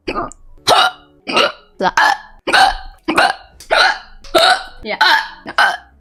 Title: Hiccups